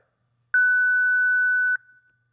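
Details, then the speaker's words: Single steady high-pitched beep of about a second, the ZOLL Zenix monitor/defibrillator alert tone in Analysis/CPR protocol, with voice prompts "Stop CPR. Stand clear. Press shock."; instructional demonstration. "Stop CPR. Stand clear. Press shock."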